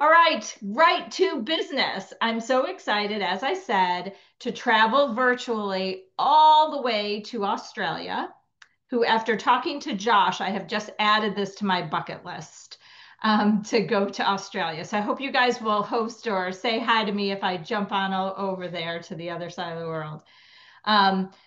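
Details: Adult woman speaking; normal speech.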